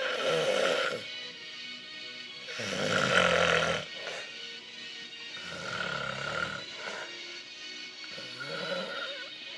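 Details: Simulated snoring: a duo performs loud, rattling snore-like imitations on drawn-in breaths at a birthday party, with music in the background.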